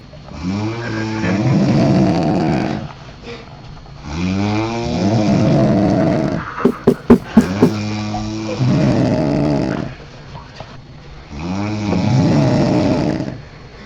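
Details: Women (mother and daughter) snoring in a hotel room after drinking alcohol: loud, regular rattling snores on each in-breath with brief clicks between; ordinary snoring.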